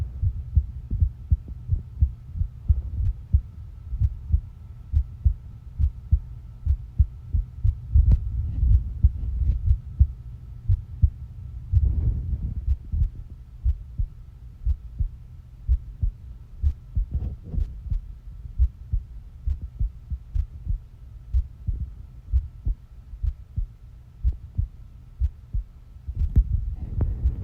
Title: my wonderful heartbeat sound